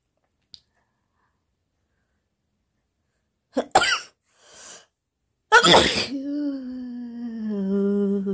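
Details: Sneezing and nose-blowing challenge: two forceful sneezes in a quiet room, the second followed by a drawn-out vocal sound.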